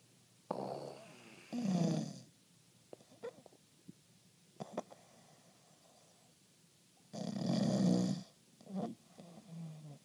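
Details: Snoring labelled "strep": two loud, rough snoring breaths with soft snuffles and clicks between them during sleep; snoring.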